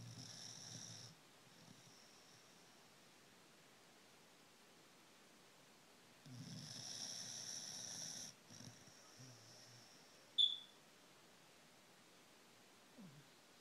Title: Snoring dog